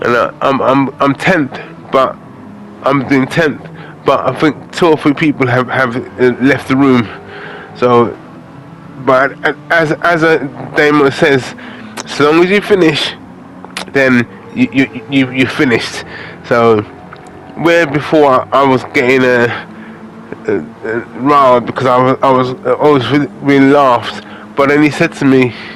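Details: Adult man with aphasia after a major stroke in August 2013, doing gaming commentary to practise his speech; repetitions and fillers audible; aphasia.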